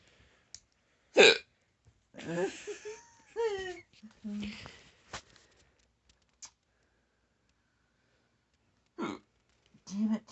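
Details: Hiccups from the uploader's brother.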